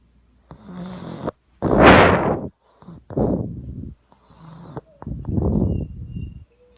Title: Intense pug snoring